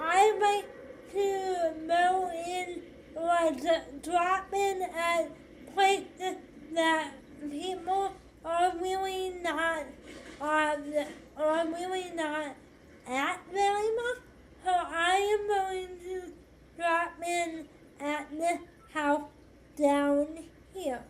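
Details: 25-year-old woman with cerebral palsy affecting hand movement and walking: dysarthric speech in cerebral palsy.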